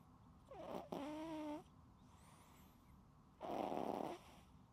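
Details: Sleeping cat, unedited recording: two loud noisy breaths, one with a squeaky whistling tone, in a quiet room; snoring.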